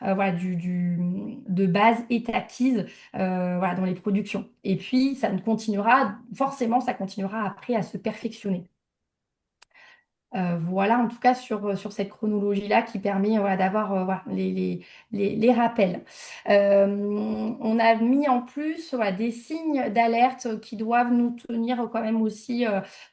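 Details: Adult woman speaking French; typical adult speech.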